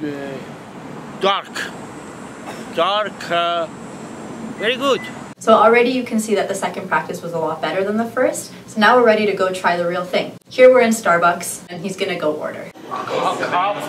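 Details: Adult speaker; normal speech.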